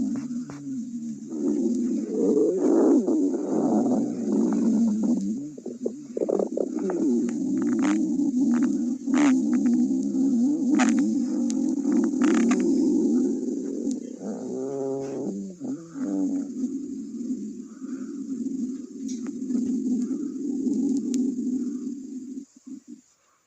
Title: Stomach Growling